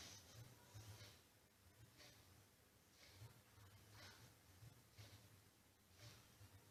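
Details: A person snoring in deep sleep after falling asleep near a study table.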